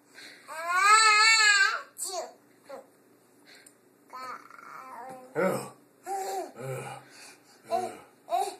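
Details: One long wailing cry from a young girl, then short fussy whimpers and babble-like sounds with an adult's soft voice in a quiet room, after sneezing; she is said to be hungry; infant cry.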